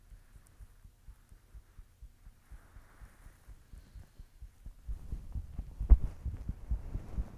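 Steady, regular low thumps at about 80 beats a minute, with some handling noise toward the end; an ordinary heartbeat.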